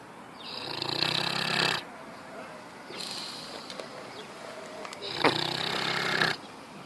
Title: Piggy snort-snore 🐽 #cutedog #funnydogs #funnyvideos #dogsnoring #lifestyle #subscribe #shorts